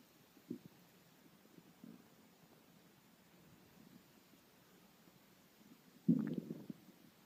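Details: Hungry stomach: faint low gurgles, then a louder rumbling growl near the end; stomach growling (borborygmi), a normal bowel sound.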